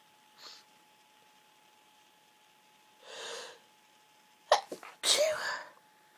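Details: Girl lying in bed surrounded by tissues, sneezing repeatedly: soft breaths and an intake build-up, then a quick sharp sneeze followed by a longer, louder one; ordinary sneezing.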